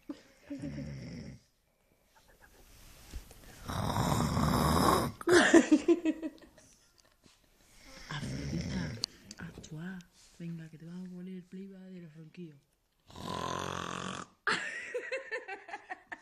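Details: Sleeping man, said by bystanders to have been drinking, snoring: loud, rough snoring breaths with pauses between them, and laughter and talk from people nearby.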